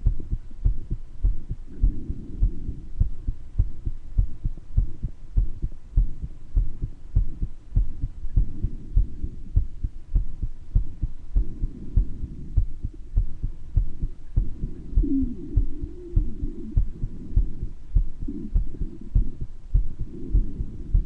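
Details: Person recording their own heart murmur, with mild bronchitis: regular heartbeats near 100/min with a soft murmur and brief musical wheezes from the chest.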